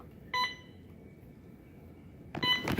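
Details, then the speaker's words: Alaris 8100 infusion pump during a flow test with an IDA1S analyzer, running 30 mL distilled water over 10 minutes (180 mL/h): two short bursts of clear electronic beeping about two seconds apart, signalling the infusion has finished. "And that's the sound that it has finished. So I'm actually gonna turn this channel off, excuse me, right here. I don't want it beeping."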